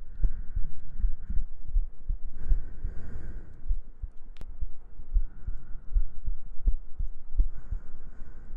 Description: Some heartbeats, gentle breaths and humming for your sleep~ Good night ♡